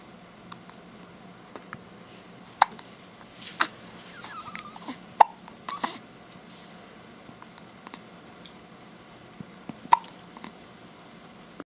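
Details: Boy hiccuping while sitting on his father's lap: several brief, sharp hiccups at irregular intervals, about a dozen a minute, in a quiet room.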